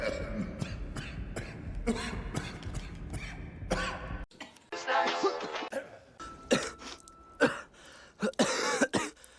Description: A supercut of 3365 coughs and sneezes from Every Movie Cough, the world's most complete collection of cinematic coughs and sneezes.